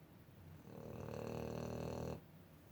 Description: Our 2 year old brindle boxer snores louder than any dog or human we have had in the house.